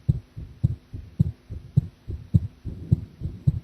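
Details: Heart sounds recorded while drinking coffee, which the person felt were unstable: regular low thumps at about 105 beats a minute, slightly fast, clear paired beats with a steady rhythm.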